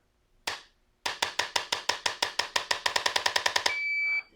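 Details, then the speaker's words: A single sharp tap, then a quickening run of about twenty taps ending in a steady beep: a stylus adjusting instrument delivering impulses for a gentle cervical adjustment on a patient who dislikes neck popping; beep signals movement. "so that's what i'm going to use to adjust your cervicals with and just relax a little beep lets you know that it's moving and beeped almost be twice"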